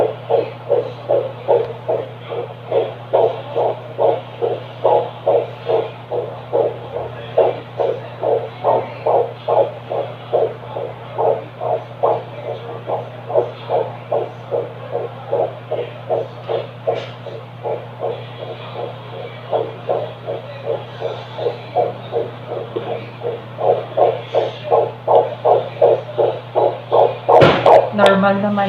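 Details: Fetal heartbeat: rapid, regular whooshing pulses at about 155 beats a minute over steady device hum.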